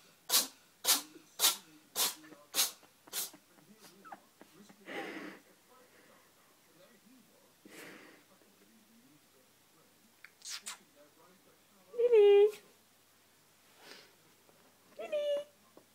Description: at first I thought my cat was having a seizure then I realised she was sneezing